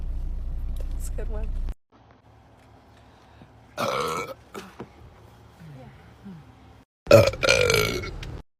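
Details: Girl: loud, drawn-out belches between brief vocal sounds, with road or car noise at the start; ordinary burping.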